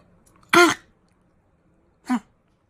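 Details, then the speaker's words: A dog gives two harsh, dry hacking coughs, the distinctive sound of kennel cough (canine infectious tracheobronchitis), a common condition in shelter dogs. "let's be honest the sort of canine cough has a really distinctive sound everybody's heard that dry hacking cough"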